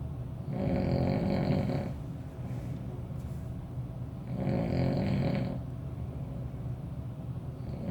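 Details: Two rough, rumbling snores on inspiration at about eight breaths a minute, quieter breathing between, steady room noise behind: an adult man snoring while sharing a room overnight; snoring.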